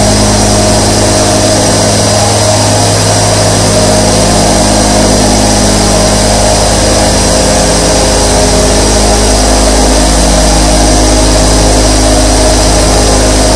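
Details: A sleep ASMR recording of 24 nebulizer compressors running: a loud, steady mechanical hum and buzz without pause.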